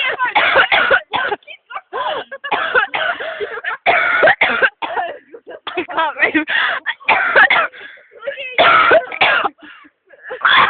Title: me coughing